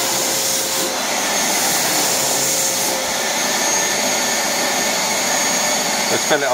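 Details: Steady loud roar of a wet-and-dry vacuum cleaner motor with a faint whine and airflow noise; a homemade garage-built prototype ventilator running, with a drill-driven cam changeover valve, untested on anyone.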